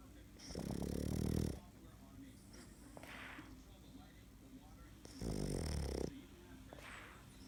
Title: My crazy snoring dog